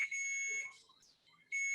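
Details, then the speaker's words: Bedside patient monitor alarm on an older woman receiving an infusion, signalling her first pint is empty; patient stated okay: two loud high-pitched electronic beeps separated by a short pause. "sorry about the beeping it's a monitor on my mom but she's okay"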